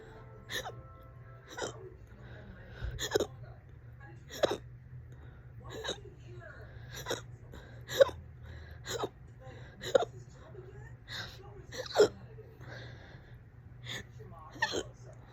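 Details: Fast, loud hiccups, on and off all day, this bout about 30 minutes: sharp, abrupt catches repeating about 15 a minute over faint music.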